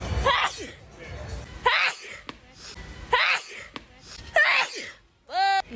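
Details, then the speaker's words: Four quick sneezes from a woman with hay fever in public, each with a gasping intake and explosive release, then a brief vocal sound; she says she can't see or breathe; repeated sneezing. "Because I can't see. Or breathe. Because I'm sneezing."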